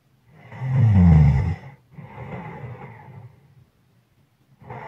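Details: Sleeper progressing from heavy breathing to loud snoring.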